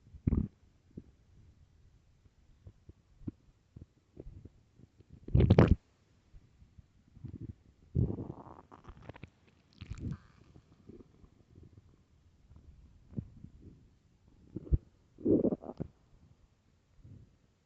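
Repeated low gurgles and rumbling growls with a few louder squelching surges; loud stomach growling from an empty stomach.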